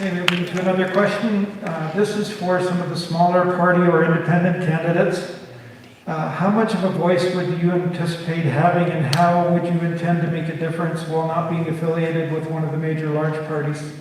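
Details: Adult male speaker; normal speech.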